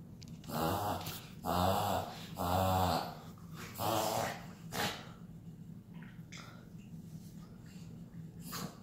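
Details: Shih Tzu puppy with four loud, honking inward snorts in quick succession over about four seconds, then a brief fifth, before quiet room noise: a harmless reverse sneezing episode.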